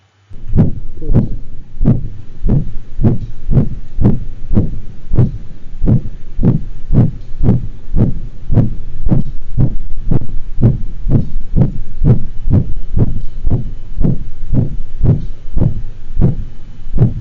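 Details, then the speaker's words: To-and-fro murmur (systolic plus diastolic) from a dog with a systolic ejection quality murmur and a very faint diastolic murmur, in a veterinary teaching context. "the first one i'm going to listen to is a two and fromer from the heart sound simulator"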